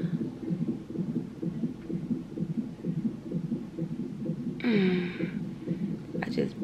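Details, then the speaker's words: Fetal heartbeat on the labor monitor during induced labor, mother 2 cm dilated with balloon, having a contraction, no epidural: rapid, steady whooshing pulses, about 128 beats a minute. "They put this machine on you to monitor the baby heart rate or whatever. Ooh, I feel like a traction coming. So that's that noise that y'all hear. That's his heartbeat."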